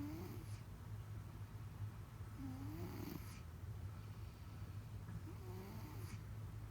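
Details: Loud nasal stertor recorded at close range: a low, rattling, snore-like noise with each breath and occasional whistling squeaks from a partly blocked nasal passage.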